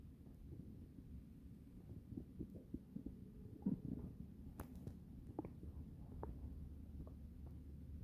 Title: Kind of loud tummy noises